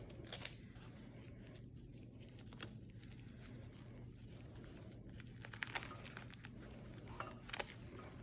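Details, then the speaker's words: Repeated short ripping and crinkling over low room hum as a nurse tears medical tape to secure a newly placed 22-gauge IV after removing the saline flush; tape being torn. "I'm gonna go ahead and remove my saline and I'm gonna go ahead and walk this I'm gonna go ahead and tape it"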